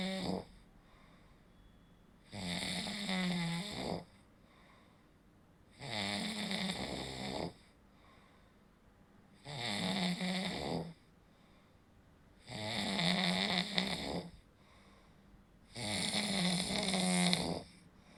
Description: Snoring is the sound produced when airflow is partially blocked during sleep, causing the tissues in the throat to vibrate.